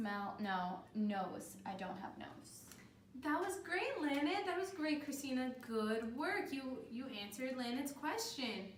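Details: Two adult women speaking; conversational speech.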